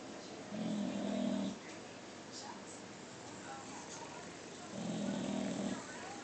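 Two low rumbling snores about four seconds apart over steady room noise, typical of a sleeping flat-faced dog snoring.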